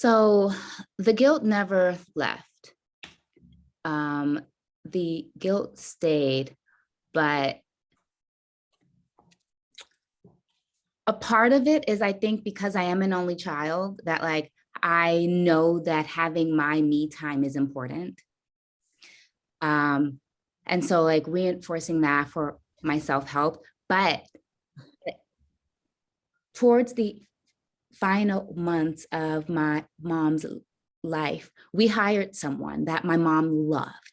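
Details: Stuttering in an adult woman caregiver who says she stutters.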